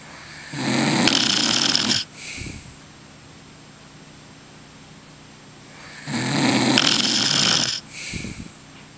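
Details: Adult man snoring in sleep: two loud, harsh, rattling inhalations, each followed by a short softer exhale, about six seconds apart; heavy snoring.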